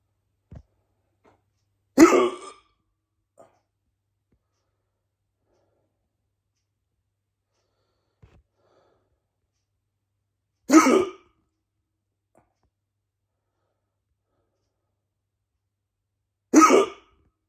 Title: Bad hiccups for chrismas